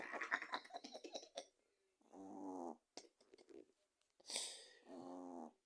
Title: Ivy roncando . Raja !